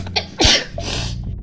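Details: Single sharp sneeze from an adult woman allergic to cats, in a small room; sudden burst of air and noise.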